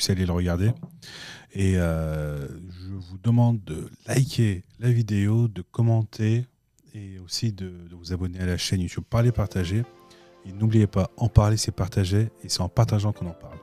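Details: Adult man speaking French; ordinary speech.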